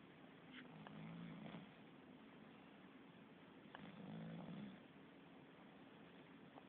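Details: Sleeping cat snoring softly: two quiet, low, rattling snores on the in-breath over a steady background hum.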